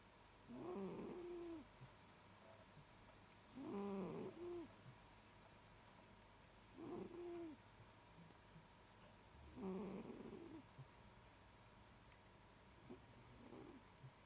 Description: My 19th YouTube video and Ernie is still snoring.